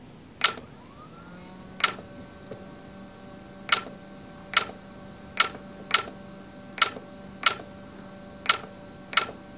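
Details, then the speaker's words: YAG laser vitreous floater treatment: ten sharp, evenly spaced clicks over about ten seconds with a faint hum, normal laser pulse sounds. "now you're going hear some clicking sounds this is normal okay no worries here we"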